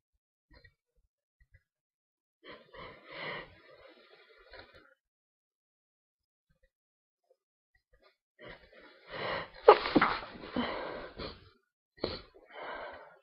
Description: My first sneezing video with sneezes and builds up.